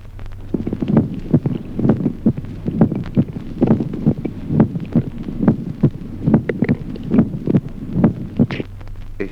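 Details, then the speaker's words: Regular heart sounds near 68 beats a minute with a sharp, accentuated first sound in each beat: a reinforced (loud) first heart sound. "Ahora del grupo de los ruidos cardíacos reforzados como ejemplo vio. Reforzamiento del primer ruido."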